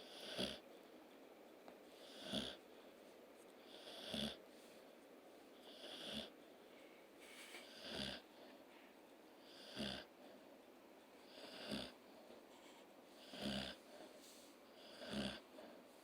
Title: Snoring dog & kitten